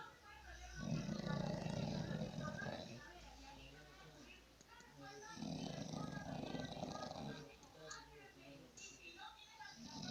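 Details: Snoring: loud, rough, low rumbling snores on two long breaths, with a fluttering rattle and some noisy breathing in between.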